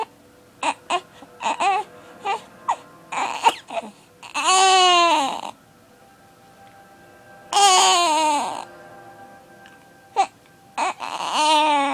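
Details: A 6-week-old baby boy with hiccups crying: short hiccup-like catches and whimpers building into loud, sustained wails between brief pauses.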